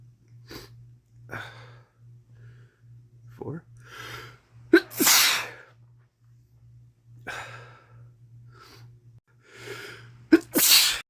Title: Sharing my cold. Sneezes & sniffles (m)